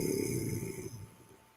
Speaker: I mean, and if you hear that snoring, that's my dog. He's snoring away.